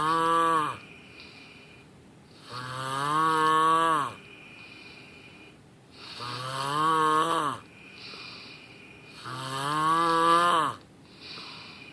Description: If you sound like a lawnmower when you snore, you'll probably end up dying in your sleep.